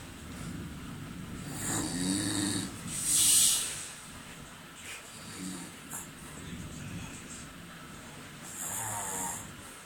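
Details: Charlie snoring while asleep on a weekend away: irregular snuffling snores and snorts with a loud hissing breath partway through, over background noise; snoring.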